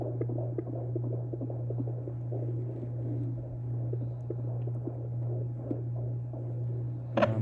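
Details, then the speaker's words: Fetal heartbeat of a boy at 19 weeks of pregnancy, recorded at home with a Doppler, first pregnancy: rapid, soft, regular whooshing pulses over a steady electrical hum. "we got a doppler so we've been able to hear him i'll insert a clip of his heartbeat right here at home"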